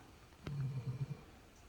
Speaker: can you hear my dog snoring